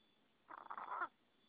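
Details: Chicken (ayam ngorok, 'snoring chicken'): a brief, raspy, rattling breath sound, a noisy snoring-like respiratory rattle.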